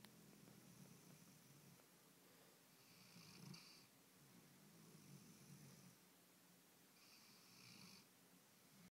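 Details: Soft, rhythmic breathing with a low rumble and faint hissy bursts about every four seconds; quiet snoring from a sleeping dog.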